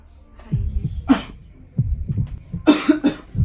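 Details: Deliberately faked cough in a prank on a sister, pretending to cough up fake blood: a few harsh, wet-sounding cough bursts with low background voices; not a real illness.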